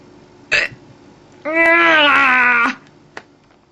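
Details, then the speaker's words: Hiccups in an adult hiccuping continuously from 10 a.m. to 9 p.m., feeling sick with whole-body aches: two short, sharp throat catches with a drawn-out voiced belch-like sound between them, quiet room. "I could rant but these hiccups are actually making me feel a bit sick I've literally had them all day it's 20 9 in the evening and I've been hiccuping since 10:00 this morning so my whole body aches"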